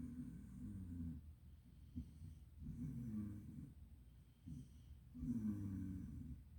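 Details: Snoring: low, rumbling snores in rhythm with breathing, roughly 20 to 25 a minute, with softer breaths in between.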